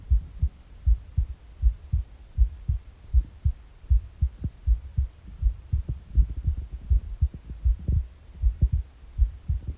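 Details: Morning heartbeat on an empty stomach: steady low beats near 79 per minute with occasional gurgling bowel noises; normal heart sounds.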